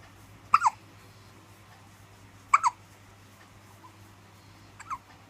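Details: Baby with hiccups: three short, sharp hiccups about two seconds apart in a quiet room; ordinary infant hiccups.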